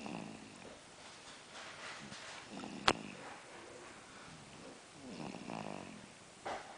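Slow, repeated cycles of rough, fluttering breath noise during sleep, with one sharp click midway: snoring.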